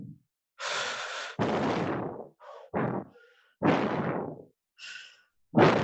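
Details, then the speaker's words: Teacher in a Spanish-language lesson imitates uneven breaths of varying length and force with irregular pauses and no steady rhythm; simulated arrhythmic breathing, which may signal a lung or brain disturbance. "Sí, cuando hablamos de arritmia, es A, el prefijo A viene sin ritmia, sin ritmo. Arritmia sin ritmo. Puede ser una respiración tipo..."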